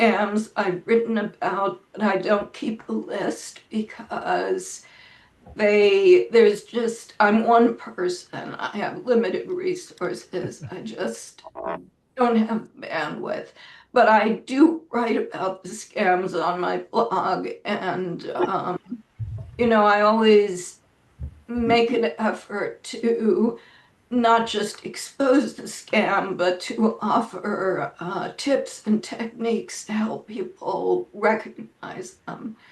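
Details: Adult woman with spasmodic dysphonia, which she says causes her voice to sound this way; severity varies from day to day, and she reports this is not a particularly good day; spasmodic dysphonia.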